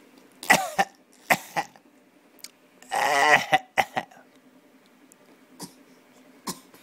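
An infant gives a string of short, light, deliberate coughs and throat-clearing sounds, a playful voluntary cough.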